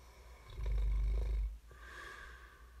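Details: Snoring ASMR recording: a single deep, rattling snore on an in-breath, then a quieter breath out, in a small room.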